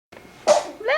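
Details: 5-month-old boy holding a colourful ball gives a single quick, high-pitched sneeze followed by a brief voiced sound; normal sneeze.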